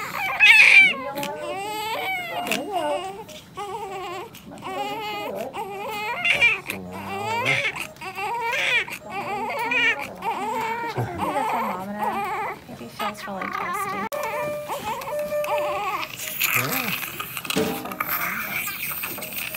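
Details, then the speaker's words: Newborn baby boy, born slightly early, described as a little wet with some fluid still in his lungs; an echo was mentioned (possible muscular VSD): loud, repeated, strong high-pitched crying with short breaths between cries, and adult voices in the room. "Yeah, he's a little bit wet, yeah. Mm-hmm. Yeah. So, a little bit fluid in his lungs still there."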